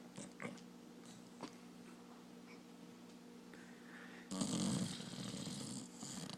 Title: Bizzy (The Dog) Snoring